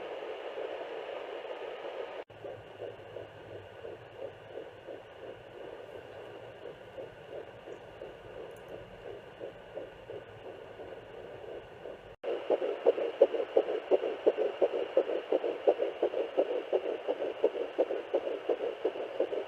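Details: Fetal Doppler at home, 8–10 weeks pregnant: rapid, regular whooshing pulses through Doppler hiss, a fetal heartbeat around 170 beats a minute.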